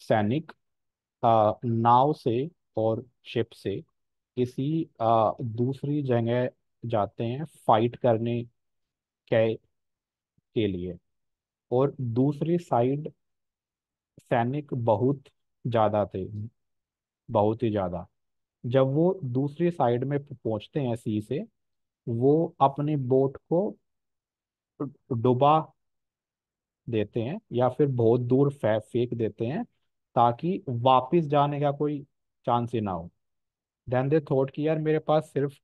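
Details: Stammering in an adult man, self-described, speaking Hindi; repetitions audible.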